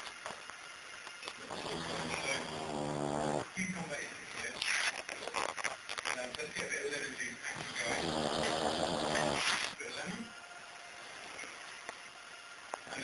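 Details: A Bull Terrier dog snoring his head off while asleep; snoring.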